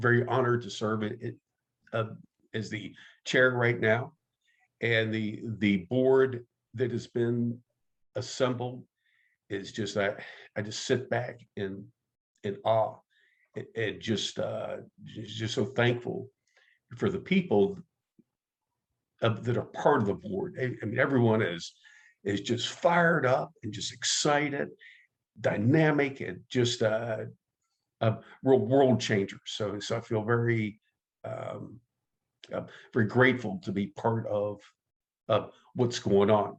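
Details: Adult man who stutters, active in the stuttering support community for over 25 years, with word and part-word repetitions; stuttering.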